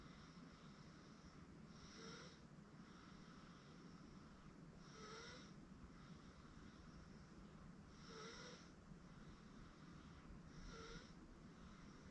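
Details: 8-month-old girl asleep on a futon: soft, regular snoring breaths about every three seconds over steady room noise; light infant snoring.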